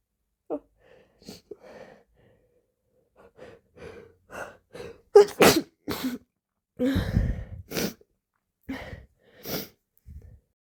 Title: Sneezed so hard I got snot on my arm 😵‍💫 #sneeze #sneezing #snz #allergy